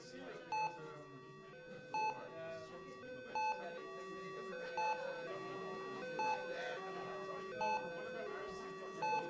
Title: Intensive Care Unit (ICU) Sounds, Hospital Ambience In Two Minutes